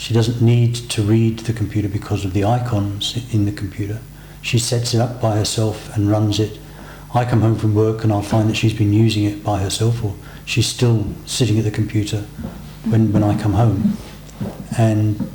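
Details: Adult man speaking; Normal speech.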